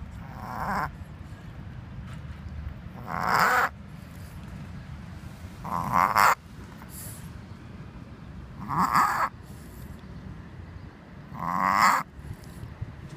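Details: A Tibetan Spaniel, described as having an asthma attack, gives five loud honking, snorting inward gasps about every three seconds; reverse sneezing.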